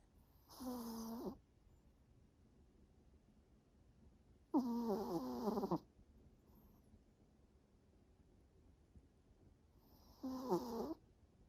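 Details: Snoring in a pet exhausted after a walk in the park and a vet appointment: three soft, whistling, slightly squeaky snore breaths several seconds apart, quiet between.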